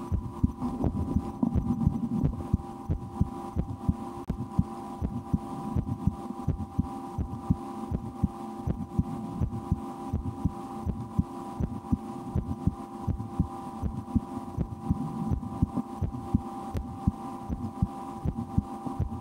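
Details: Own heartbeat heard through a stethoscope after lunch, breath held a couple of times while trying to speed the heart: soft, steady lub-dub with a constant low hum and some rustling and rumbling behind; heartbeat.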